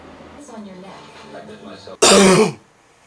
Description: (2001) Lots of coughing, in the dark, when you're trying to sleep.